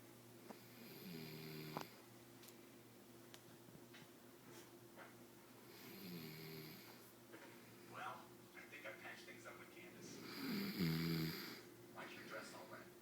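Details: Dog snoring: soft, low snoring breaths with a faint tonal buzz, repeating every few seconds over quiet room noise.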